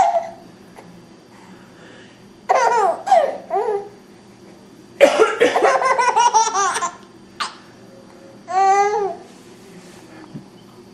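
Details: Bursts of adult coughing from the mother alternate with an infant's squealing laughter at the coughing in a quiet room, recorded 28 May 2009; plain cough.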